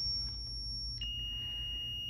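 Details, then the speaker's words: Zoll defibrillator in defib mode with sync on, charging to 50 joules for synchronized cardioversion in a teaching demonstration: steady high-pitched tone stepping to a lower pitch partway through. "all you have to do is to select the energy that was ordered for this patient let's pretend it's only 50. charge it"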